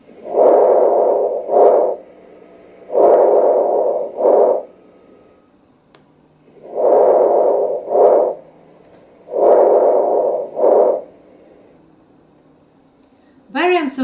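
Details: Increased vesicular breath sounds in a teaching recording: loud, soft-toned breathing in four cycles, each a longer inhalation then a shorter exhalation, about nine breaths a minute.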